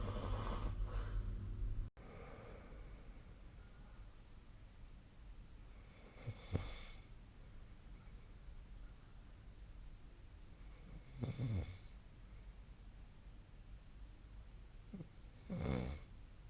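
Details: Low rumbling snores with soft snorting breaths every few seconds against a steady room hiss, a nightly sleep snoring recording made on 2025/03/01.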